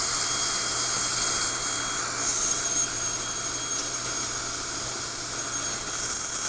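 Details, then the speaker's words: High-speed dental handpiece cutting a groove down to the cement through a thick e.max veneer during veneer removal: loud, steady high-pitched whine. "okay so let's go ahead and make a groove in this one"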